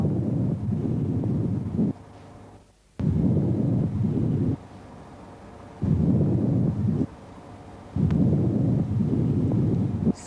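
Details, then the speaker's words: Normal person, stethoscope diaphragm on the lower parasternal area: soft, low rushing breath sounds with evenly matched inspiratory and expiratory phases, normal bronchovesicular breath sounds. "ถัดลงมาที่lowerportionของparaalareaนะคะเราจะได้ยินbronchvesicularbreath"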